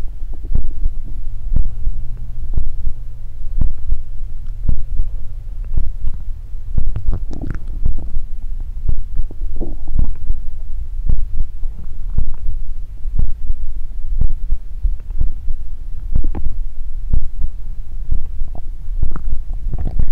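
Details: Continuous low gurgling and rumbling with scattered pops and bubbling; ordinary stomach growling (borborygmi) from gas and fluid moving through the gut.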